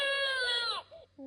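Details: Baby crying after being taken off the breast during feeding and seeming not full, with a loud, high-pitched cry that falls off at the end, followed by a brief whimper.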